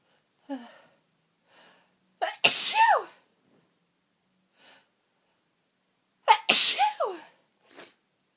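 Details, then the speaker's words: Person in a sneezing fit with false starts, stuck sneezes and sniffles: short catching breaths, then two loud explosive sneezes with falling voiced tails, quiet sniffs between; nose tickling, eyes streaming. "And it keeps teasing me with false starts, stuck sneezes, and I am very, very sniffly. I just need to sneeze."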